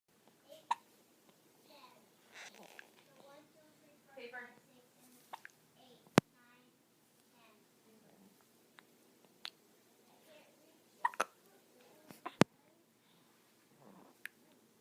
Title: Little Mr. Has Hiccups